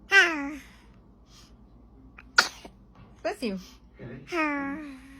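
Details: Baby described as sneezing for the first time: a single small, abrupt sneeze between fussy infant vocal sounds; sneezing.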